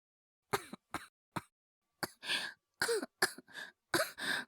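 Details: Acted cough voice, fully performed by a voice actor, of a younger brother with a cold insisting on going to school; short dry coughs then breathy, airy bursts, about ten in four seconds.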